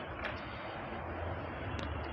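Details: Small steam nebulizer running with plain water (demonstration, no medicine), steady low machine hum with soft hiss throughout; intended for children with cough and chest congestion.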